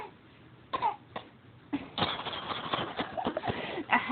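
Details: A 4-month-old infant gives three short, soft, deliberate cough-like bursts, then vocalizes: a pretend (voluntary) cough, not illness.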